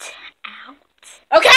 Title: Sneezing on you prank